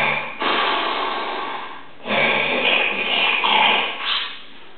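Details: Two long, loud, rough breathing noises played as an example of heavy snoring from a spouse, in a talk on snoring and sleep apnea.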